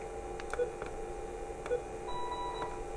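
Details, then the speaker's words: Faint repeated electronic beeps over quiet room noise: a Colin BX-10 patient monitor's red SpO2 alarm as a reading of 95 falls below the low alarm limit set to 98. "oh now I have a red alert and you see the value that is out of of the limit blinks so 95 is too low because I set my alarm to 908"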